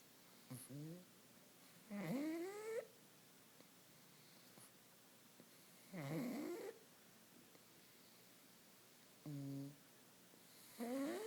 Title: Snoring Katie Pug